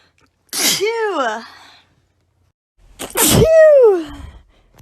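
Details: Sneezing: two explosive sneezes, each trailing into a falling voiced tail.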